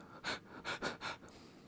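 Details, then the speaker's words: Deliberate imitation of shallow breathing in an English lesson: quick, short, audible breaths in and out several times in under two seconds, contrasted with deep breathing. "you can take a deep breath you can take a shallow or short breath"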